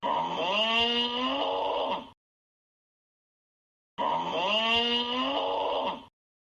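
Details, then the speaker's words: Simulated snoring of obstructive sleep apnoea: loud, rising-pitched snores separated by silences, illustrating the stop-start cycle where airway narrowing drops airflow below 20% or closes for 10 seconds. "当我们一宿多次出现气管的格局小到气流量低于20%或格局封闭持续10秒钟，就要考虑是不是阻塞型呼吸暂停综合征的问题了。那我再给大家听一下这个模拟的鼾"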